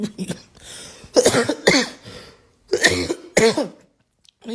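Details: Productive cough at 7am: repeated loud, wet, hacking coughs with voiced, rattly bursts while hacking up mucus.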